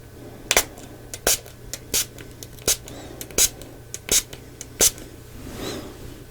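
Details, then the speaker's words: Role-played ASMR cranial nerve exam taste test: about eight quick hissing spray bursts from a pump bottle applying a taste onto the patient's stuck-out tongue. "And if you'll just stick out your tongue for me and I will just give this a spray."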